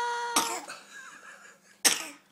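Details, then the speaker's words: Young child, eating juice and a snack, gives two sharp, forceful coughs a little over a second apart, described as a terrible cough; possibly choked. "my, you have such a terrible cough."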